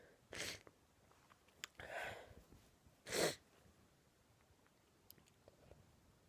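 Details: A quiet room with a short breathy burst, a drawn-in breath, then a sharp explosive sneeze from a woman with an itchy throat: an ordinary sneeze.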